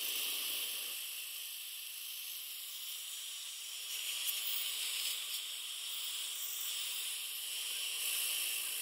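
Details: CO2 laser tongue-tie release (lingual frenectomy) in an 11-year-old with a tight, heart-shaped tongue tip: steady high hissing of laser and suction running.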